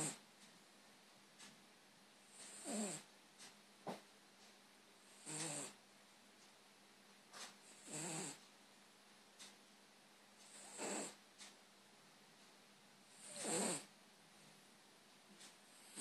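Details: Male former stray cat snoring during sleep, as he does most of the time when asleep: soft, regular snuffling snores, about five breaths in sixteen seconds, with faint clicks between.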